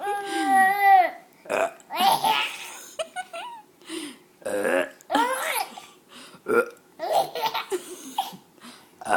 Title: Burps are funny!